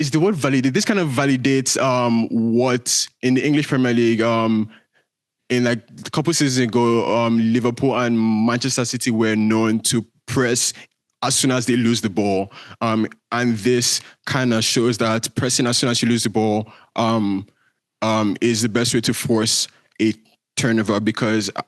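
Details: Male speaker with a self-reported stutter that shows as repetitions, prolongations or blocks. Stuttering.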